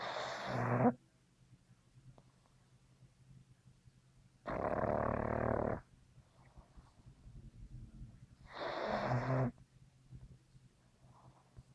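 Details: A dog in heavy sleep lying on a person's lap gives three low, rumbling snores, roughly one every four seconds (about 15 breaths a minute), with quiet gaps between; snoring.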